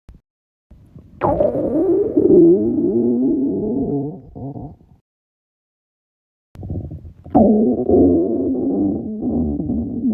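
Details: Loud stomach growling from girls: two long, gurgling growls with shifting pitch, each lasting several seconds; ordinary bowel sounds (borborygmi).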